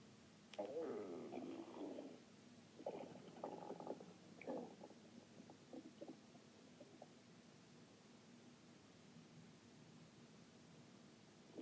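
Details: Stomach growling: low gurgling rumbles in a quiet room, fading after several seconds.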